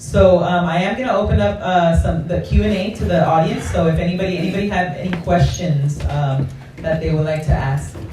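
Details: Adult male speaker; normal speech.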